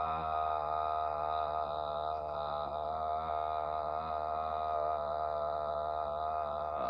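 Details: Sustained "ah" phonation, a second 9-second breath-support trial during a bedside swallow evaluation of a patient with acid reflux concerns; clinician judged the voice steady; sustained phonation, normal voice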